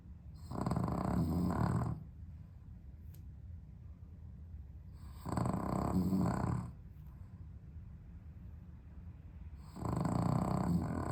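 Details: Loud, rattling snores every four to five seconds with quiet gaps from a sleeping dog with sleep apnea, improved on heart medication, on a very hot 32°C day in London without air conditioning; owner urges it to breathe.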